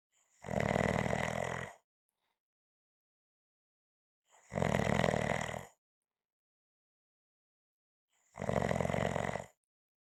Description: This is a 5 minute clip of snoring. If you like it, you will find more at the end.